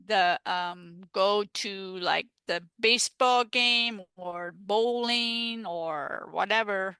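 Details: Aphasia after a stroke in an adult woman, a stroke survivor now involved in aphasia peer support.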